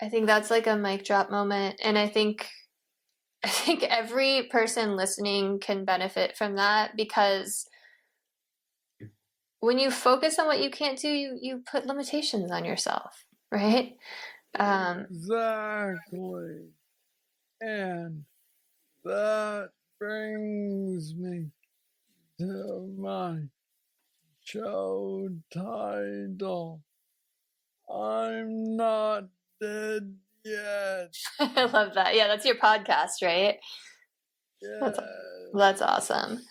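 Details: 46-year-old man with Parkinson's disease diagnosed at 35, about 11 years ago, which he describes as the most aggressive form, with mobility struggles and a deep brain neurostimulator implant; real patient; Parkinsonian speech (hypokinetic dysarthria).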